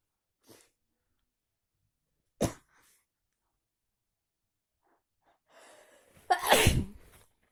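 In a quiet room, a brief sharp sound, then a breathy wind-up and one forceful sneeze.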